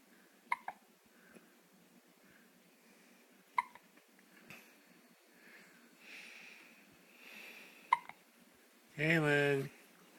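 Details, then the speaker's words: Young girl with hiccups; several sharp, abrupt breath catches spaced seconds apart, then a brief voiced sound, in a quiet room. "has the hiccups. Oh, really? Mm-hmm. Let's take a look."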